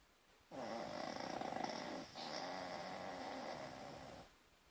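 A long, rough, rattling snore with a brief break partway through. Ordinary snoring.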